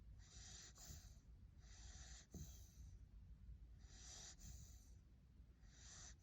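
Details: Sleeping puppy taking a tiny snooze, light snoring: soft, regular snuffling breaths about every 1.7 seconds, around 35 a minute, over low room rumble.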